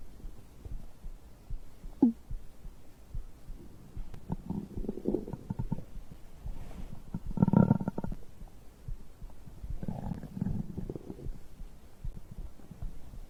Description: I recorded the sounds of digestion after drinking a beverage.